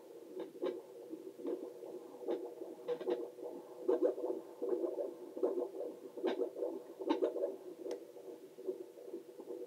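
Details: Adult heartbeat recorded on oneself with a Doppler for ASMR relaxation: rhythmic whooshing pulses at about 74 a minute, a normal rate.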